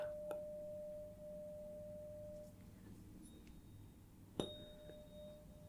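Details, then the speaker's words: Simulated ASMR role-play hearing exam, Rinne test: a struck tuning fork held on the mastoid process behind the ear, then in front of the ear, giving a steady fading pure tone; tuning fork tone. "now for the Renee test I am going to strike the tuning fork and put it on the mastoid process behind the ear and if you could just tell me when you stop hearing that"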